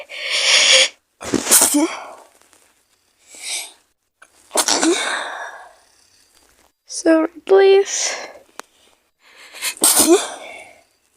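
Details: Simulated roleplay of a sick girlfriend with a cold and fever, lying in bed: several loud acted sneezes with gasping intakes and brief vocal sounds.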